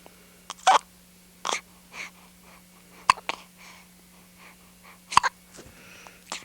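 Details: Young girl with hiccups, recorded 1992; she says her cousin also has them: several short, sharp, abrupt gulping hiccups at irregular intervals with quiet breathy noises between.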